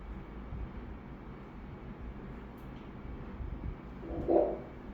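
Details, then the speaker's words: Normal fetal heartbeat on Doppler during a second morphology ultrasound, baby in breech (sitting) position, four-chamber view normal: fast, rhythmic whooshing pulses at a heart rate of 146 beats a minute. "Então, perfeitinho o coração do neném, não tem nada de errado, tá? Aí eu vou ver agora, aí vamos ver o batimento, tá? Os batimentos assim. Vamos escutar o coraçãozinho."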